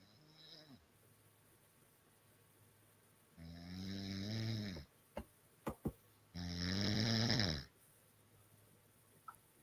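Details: A woman snoring loudly during sleep, described as the champion snorer: snoring.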